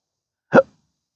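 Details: A single abrupt, voiced gulping hiccup from a person with a rare, disabling condition of chronic daily hiccups and burps since December 2015, which began after surgery that left multiple nerve damage.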